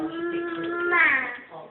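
A short, high, tonal wail rising at the end, an infant's cry in a quiet room.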